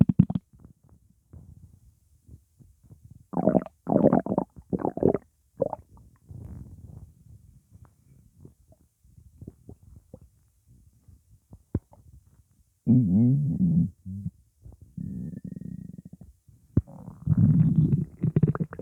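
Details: Loud, irregular gurgling and rumbling bursts with quiet gaps; upset stomach rumbling, which the person attributes to gas after eating pizza; borborygmi.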